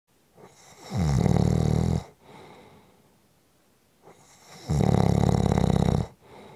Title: Short Snoring Audio Clip 5 Minutes